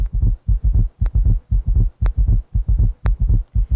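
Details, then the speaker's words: Heart auscultation during a physical exam; rapid, low-pitched heart sounds where S3 and S4 filling sounds merge into a single galloping beat: summation gallop. "in a patient with s3 and s4 heart sounds you'll hear a summation gallop"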